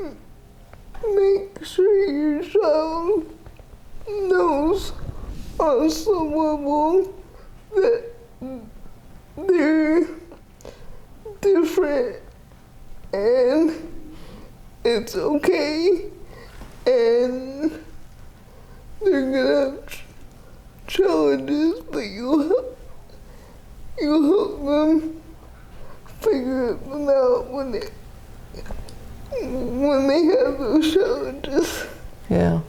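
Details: 30-year-old woman with GMFCS Level 4 cerebral palsy, quadriplegia with an athetoid component affecting arms, legs and trunk, uses a power wheelchair, repeated eye and hip surgeries; dysarthria (athetoid cerebral palsy).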